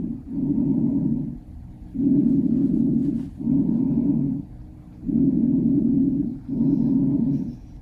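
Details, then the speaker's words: Bronchial breath sounds, normal over the trachea: loud, hollow, tubular, lower-pitched breaths with a distinct pause between inspiration and expiration, I:E ratio 1:3. "bronchial breath sounds are hollow tubular sounds that are lower pitched they can be auscultated over the trachea where they are considered normal there is a distinct pause in the sound between inspiration and expiration with a ratio of one to three listen to an example of bronchial breath sounds"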